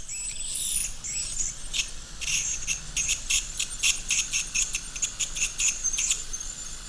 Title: Veterinary uses Baolai B5 ultrasonic scaler to clean teeth of dog